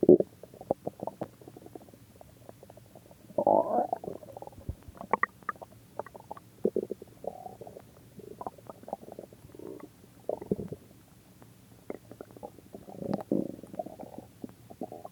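Irregular gurgling, bubbling rumbles come and go in a quiet room. Ordinary stomach growling from gas and fluid moving through the gut.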